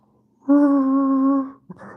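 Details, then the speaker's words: Vocal imitation of an asthmatic wheeze: a steady, high, hum-like whistling tone lasting about a second, illustrating wheezing as a common asthma symptom from tightened, inflamed airways. "So what are the common symptom of asthma? People with asthma may experience wheezing. When you when you go close to somebody with asthma, you hear this wheezy sound,"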